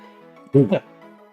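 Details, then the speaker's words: Single short, forceful, voiced cough over background music from a young person, a lingering cough one to two weeks after an illness he has otherwise fully recovered from; lingering post-viral cough. "I just have a teensy little cough. And my coughs are aggressive normally. Like I don't know if you can hear it very well here, but they're a little aggressive."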